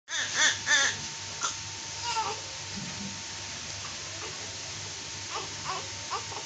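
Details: Newborn baby with oily skin, just after birth: short, high wailing cries, then quieter whimpers, with faint room noise; a normal newborn cry.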